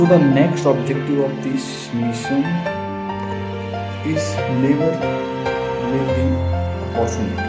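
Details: Stuttering (stammering), self-reported by an adult man, in Hindi speech over background music.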